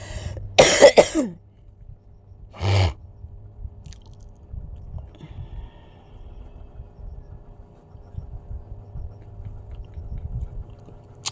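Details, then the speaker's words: Two or three quick dry coughs, then a single throat-clearing cough, followed by quiet room noise; an adult coughing while ill with a fever. "Inuubo po ako guys dahil may lagnat po ako."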